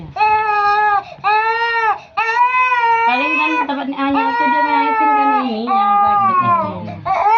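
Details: Infant crying loudly and steadily during traditional baby massage (done for sprain, cough, cold and fever), with a lower adult voice and background music; infant crying.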